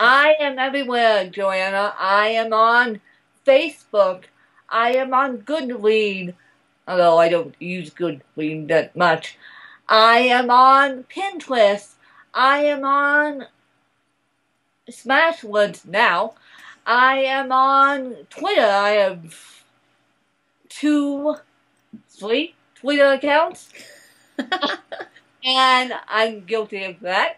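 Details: Adult woman born in 1987 with cerebral palsy from a birth injury, usually lack of oxygen; she reports a slight speech impediment that has improved over the years; the finding is dysarthria.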